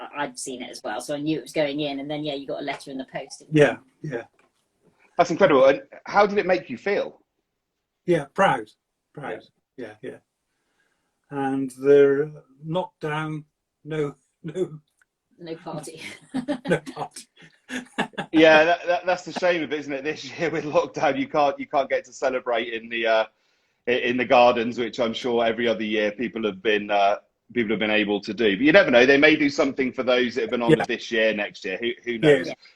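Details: Adult male stroke survivor with aphasia for seven years since a stroke at age 50, speaking in fragmented, non-fluent speech; non-fluent aphasia.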